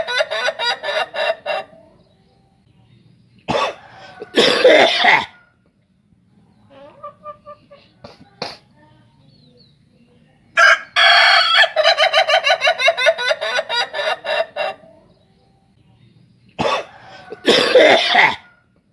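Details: Pet chicken: bursts of harsh clucking with short sharp cough-like snorts between them, fitting respiratory coughing.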